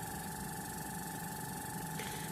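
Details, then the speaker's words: Suction catheter being rinsed in sterile saline during tracheostomy suctioning, with suction set at 80–120 mmHg and a thumb on the valve: steady suction whine with a gurgling, slurping hiss as saline is drawn through. "rinse the suction catheter by placing it in the cup of the sterile saline and using your thumb on the valve to create suction"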